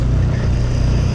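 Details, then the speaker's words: Simulated small volume nebulizer demonstration (albuterol 2.5 mg in 3 ml saline, a little liquid used, patient on room air): the compressor is switched on and gives a steady, loud, low motor hum. "I'm going to go ahead and turn our compressor on."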